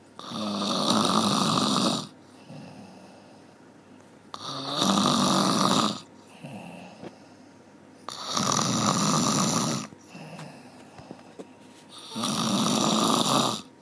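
Loud, rough snores about every four seconds, roughly 16 a minute, with quieter breaths between them.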